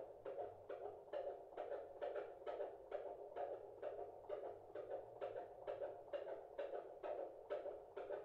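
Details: Fetal heartbeat of a baby boy heard by a midwife's Doppler over the bump: fast, regular whooshing pulses at 140 beats a minute, distinctly faster than the mother's placental pulse; baby wriggling; normal.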